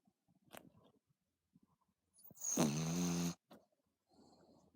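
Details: Pet dog Sugar snoring: one loud, rough, drawn-out snore lasting about a second between soft breathing noises; audible from across the room.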